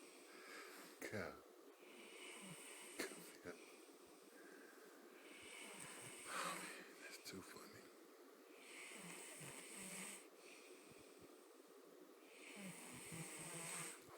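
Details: Rough, rattling snores on breathing in, roughly every three to four seconds, with some whistling breath noise, from a Black man asleep who claimed he doesn't snore; snoring.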